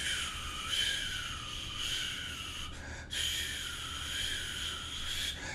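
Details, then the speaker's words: Vocal imitation of the continuous, rushing machinery murmur of patent ductus arteriosus, likened to an AV dialysis shunt heard through a stethoscope. "and finally we have the patent ductus arteriosus which i talked about which produces machine removal"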